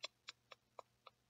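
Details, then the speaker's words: An adult with tics makes five sharp throat clicks at about four per second: a repetitive vocal tic that recently returned after first occurring in childhood or adolescence. "um, I started doing this [click click click] tic in my throat, and when I did that, I was like, “that’s not actually… that’s not a new tic, I recognize this tic."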